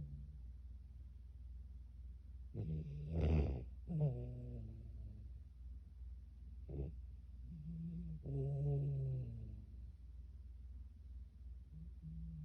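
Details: Newfoundland puppy sleeping: a few soft snorting snores and whimpery breaths with quiet pauses between; snoring.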